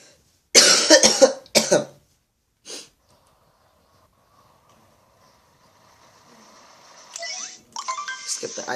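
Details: Cough while playing a video game: a burst of several harsh coughs, then a short throat sound, followed by quiet game audio and faint music.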